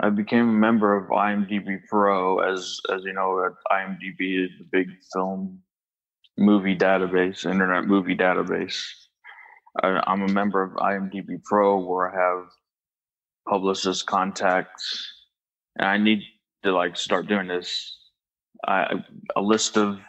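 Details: Stuttering in an adult male who describes trouble getting words out and long pauses.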